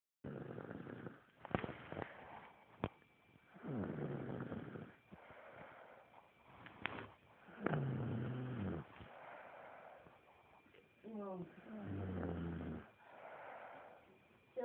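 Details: Baby girl snoring louder than an adult man: irregular, rumbling, fluttering breath sounds with snorts at about 15 breaths a minute; snoring.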